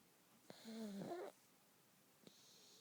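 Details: Baby snoring: a single short snore, a buzzing in-breath rising in pitch, then quiet.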